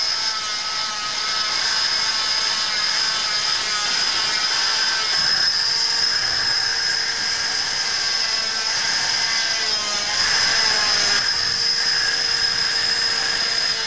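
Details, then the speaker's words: Oscillating cast cutter cutting a set foot/ankle cast to remove a boot, subject protected by sock and guard; loud high-pitched buzzing whine with pitch dropping briefly as the blade bites into casting material. "sometimes it can uh create some heat when it's being used but this shouldn't be a problem for our subject because he's got a sock and a guard and um so he shouldn't feel any of the heat from it so we'll just make that those cuts now he"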